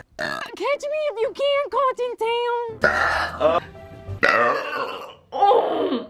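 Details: Deliberate burping in a compilation: sung notes, then a few loud, rough, drawn-out belches over background music. Burping.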